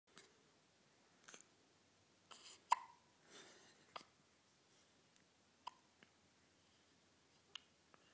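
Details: Four-day-old newborn's first hiccups, in the morning: soft, sharp little hiccup catches repeating several times over eight seconds in a quiet room, with faint breathy sounds between.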